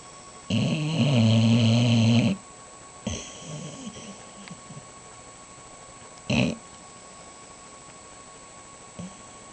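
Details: Snoring from a sleeping Boxer dog with eyes open: long, low rumbling snore, then softer breathy snorts and a short sharp snort, with quiet pauses; he sucks his tongue in on waking.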